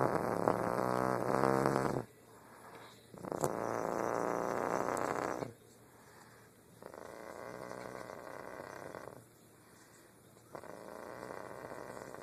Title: snoring